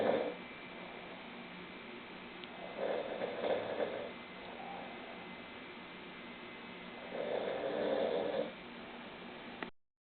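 Two slow, rattling snoring breaths about four seconds apart over steady background hiss.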